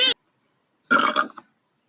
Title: Zoe Trent Burping